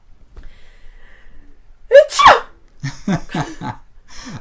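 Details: Young Italian woman performs an acted sneeze on request during a posed filming session: a quiet breath in, one loud sneeze, then a few short breathy sounds; simulated sneeze.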